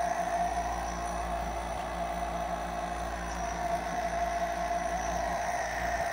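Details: Nebulizer compressor running.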